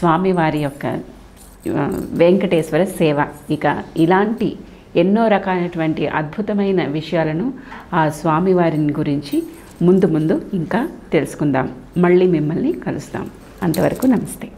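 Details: Adult speaker; ordinary speech.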